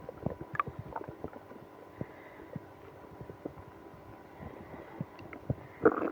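Frequent irregular gurgles, pops and low rumbles from the gut, with a louder squelch near the end; active stomach growling.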